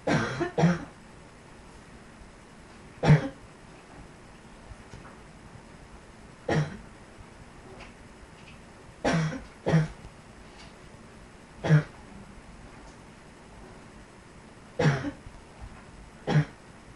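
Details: Eight short, deep single and paired coughs spread over about seventeen seconds, with quiet between them; a plain adult cough.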